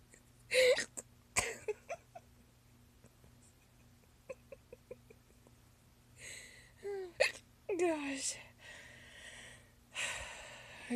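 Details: Several brief, abrupt, voiced hiccup catches, irregularly spaced, mixed with laughter and Spanish talk; hiccups.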